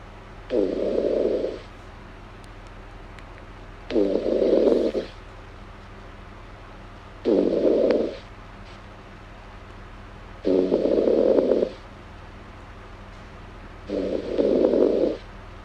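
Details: Girl snoring in an ASMR recording: five regular snoring breaths, about 19 a minute, each a rumbling, fluttering sound with quiet gaps, over a steady low room hum.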